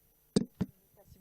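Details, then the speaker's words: Chest percussion demonstration: tapping the thorax gives a resonant note over hollow, air-filled areas and a dull note over solid areas, used to detect fluid or air around the lung. "tapez sur un un endroit creux comme le thorax ça fait un bruit sonore et si vous tapez sur un endroit un endroit plein ça fait un bruit mat"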